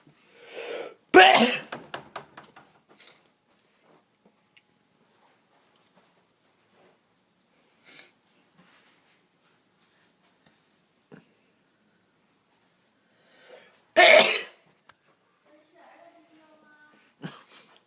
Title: Sneezing boy